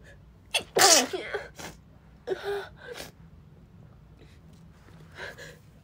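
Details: Sick female sneezing repeatedly, unable to catch a full breath: a sharp inhaled gasp, one loud explosive sneeze and a quieter second burst, then faint breaths.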